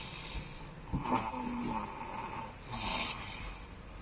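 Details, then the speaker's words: Person who has fallen asleep during a short nap, snoring lightly: two soft, rough breathing noises over low background hiss. "le pot ronfler car je sais pas si vous vous entendez"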